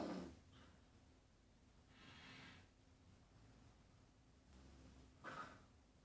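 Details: Grandmother's snoring during sleep: slow noisy breaths with a low rough rumble and a brief snorting burst over steady room hum.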